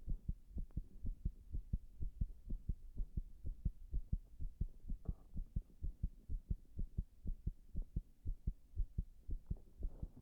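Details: Fast, somewhat uneven thumping heartbeat over a low hum, with varying beat spacing, recorded after six minutes of wall-standing compression; irregular heartbeat (arrhythmia).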